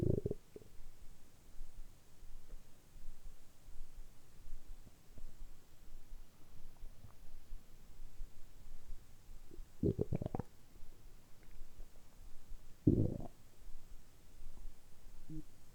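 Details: Bowel sounds after fasting about 12–13 hours and then drinking carbonated water on an empty stomach: low gurgling rumbles in a few loud bursts over a soft background, ordinary stomach rumbling.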